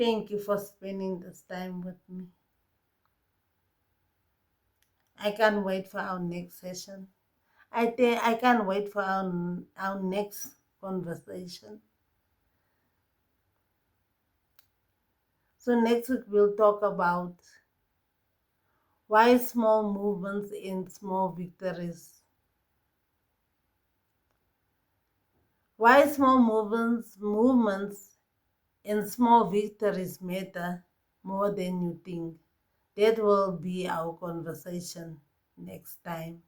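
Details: Post-stroke speech difficulty in an adult woman with left-side paralysis who walks with a stick; the speech difficulty is long-standing and improving but not gone, with repeated and broken words.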